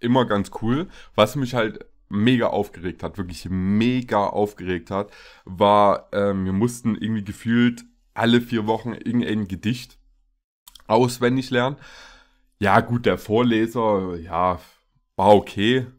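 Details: Adult man speaking German; Ordinary speech.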